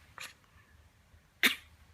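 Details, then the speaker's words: Baby being held sneezes: two short, sharp sneezes, the second louder, with quiet room noise between; baby had hiccups just before. "我又打一个大喷嚏。他这个都打在我的手上了。是哇，喷嚏打在他还手上了。"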